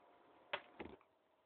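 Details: Two quick, high-pitched sneezes in a row in a quiet room, part of a sneeze attack; sneezing.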